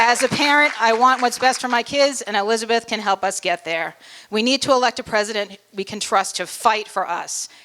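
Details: Adult woman; Normal voice.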